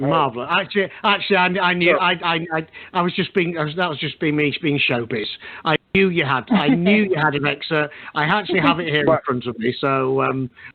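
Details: Adult man speaking; Normal voice.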